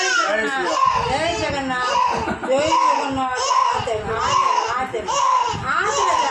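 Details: Two-month-old baby girl crying in pain during ear piercing: continuous distressed infant wails and screams, with adults chanting and soothing in the background.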